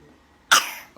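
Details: A young girl asked to act a cough gives a single sharp cough that starts abruptly and fades quickly in a quiet room: voluntary cough.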